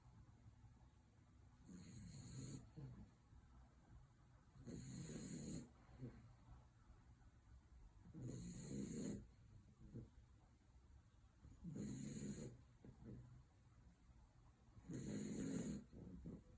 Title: Dachshund puppy Henry snores into the floor